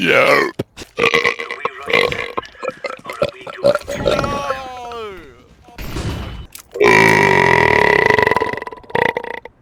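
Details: Loud, drawn-out, deliberate burps, one long and croaking, during a Counter-Strike 2 gaming session, mixed with talk ("sorry about that, I had to let that one out") and brief background music; burping.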